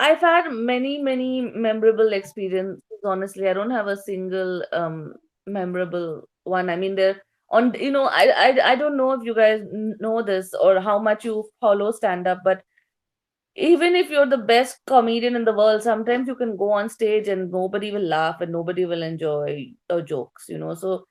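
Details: Adult woman, a stand-up comedian with a self-described stutter since growing up, reportedly stuttering more on stage than in conversation; stuttering.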